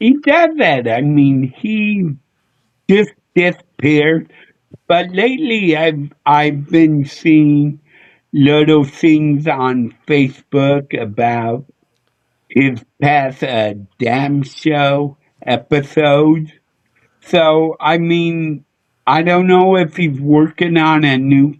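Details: Adult male with a speech impediment he attributes to a neurological problem: MRI showed an underdeveloped back of the brain, and he hit his head on a dashboard in a car accident when younger; sometimes mistaken for drunk; slurred speech (dysarthria).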